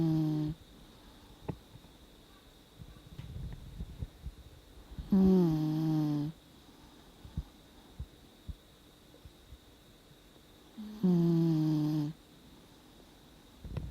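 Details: Two loud, drawn-out whistling snores about six seconds apart, with quiet breathing and small clicks between, from a sound-asleep 17-year-old Dachshund whose snoring has increased with age; snoring.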